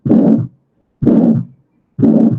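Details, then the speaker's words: Heart cycles about 63 a minute, each with a harsh diamond-shaped systolic murmur between S1 and S2 at the pulmonary area, non-radiating, softer than aortic stenosis; pulmonary stenosis ejection murmur. "En este caso, el paciente tendría un soplo similar al de la estenosis aórtica, pero de menor intensidad, pero de mayor intensidad que un soplo fisiológico. Fíjense que tiene su carácter romboidal, es entre el S1 y el S2, que me dice que es sistólico,"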